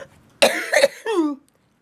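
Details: Two quick, forceful coughs followed by a short, voiced, falling sound, from an adult woman with cystic fibrosis who takes daily medicines, enzyme pills and vest therapy. Cystic fibrosis cough.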